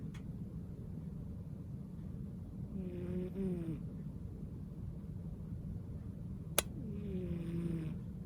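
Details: A cat giving two soft, whistling, tonal snores on the in-breath, about four seconds apart, over a steady low room hum: snoring.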